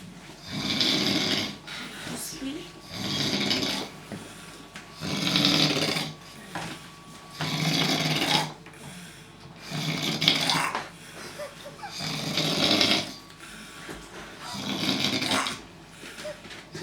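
Rhythmic rasping snores on each breath, about 13 breaths a minute, with a harsh buzzing quality; snoring.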